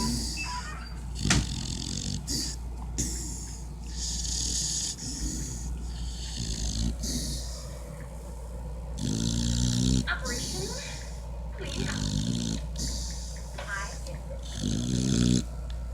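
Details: Snoring while sleeping beside mother: continuous noisy, snorting breathing with rattly low snores over a steady background hum.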